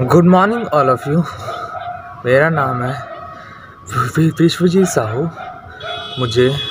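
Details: Male Hindi speaker who has stammered since childhood, with great difficulty speaking, recorded before starting speech therapy; stuttering.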